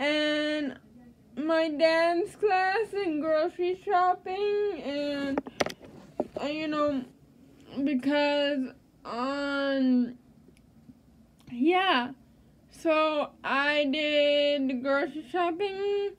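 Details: Speech of an adult woman with cerebral palsy.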